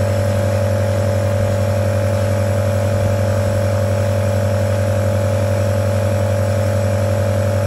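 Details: Omron NE-C28 compressor nebulizer running, compared with a mesh nebulizer: steady loud buzzing motor hum with fast regular vibration.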